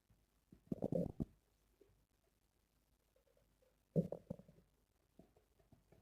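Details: Stomach growling (borborygmi): two bursts of low gurgling, rumbling belly noise with quiet between them.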